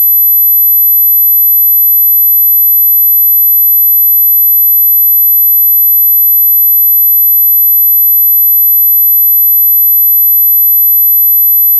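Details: 12 kHz tinnitus masking tone for tinnitus relief therapy: steady, very high-pitched continuous tone with no variation.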